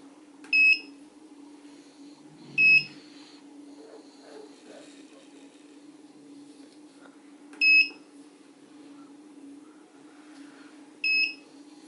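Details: Console key-press tones from a portable veterinary ultrasound scanner (SonoScan E6V) while entering patient information: four short, high electronic beeps at irregular intervals over faint room noise.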